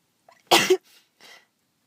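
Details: Person with a head cold, congested and ticklish nose, sore head and throat and worsening cough; a short intake, then a single forceful sneeze followed by two soft breaths.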